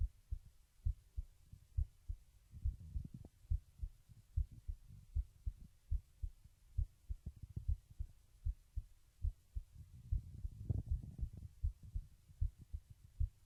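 Steady paired low thumps, roughly 65 a minute, with faint rustle; a normal heartbeat.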